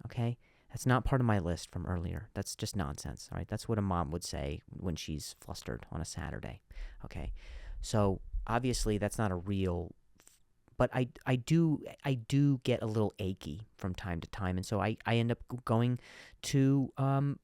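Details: Adult male comedian who stutters and finds some words hard to say; stuttering.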